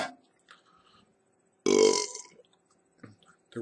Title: Four loko chug with burps and shoutouts